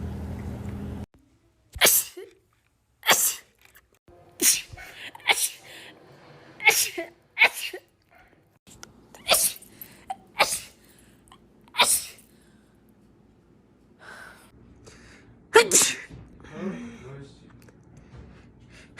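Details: Repeated rapid sneezing from a compilation: about eleven sharp sneezes in a row with short pauses and light room noise between.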